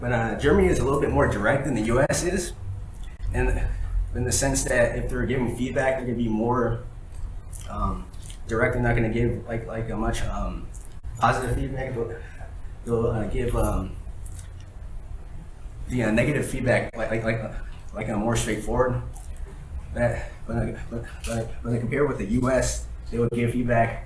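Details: Real stuttering in an adult man, recorded during a talk sometime between 2013 and 2019.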